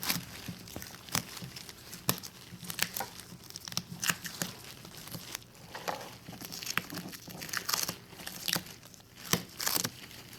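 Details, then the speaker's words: Crinkling and tearing as the adhesive dressing over a central venous catheter site is peeled toward the center, finger stabilizing the line, during a nurse's CVC dressing change; dressing removal. "You make sure your finger is right there, so this thing won't move. Just like any other dressing, you peel towards the center."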